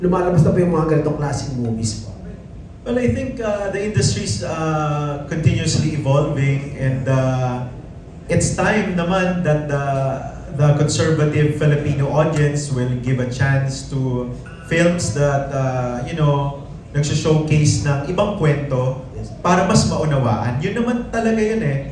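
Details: Adult man; typical speech.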